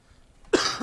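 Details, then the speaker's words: Adult respiratory therapist with a leftover cough after being sick: near silence, then one short, abrupt, harsh cough. "As you can hear, I still have a leftover cough. Because I was out sick, like a little bit."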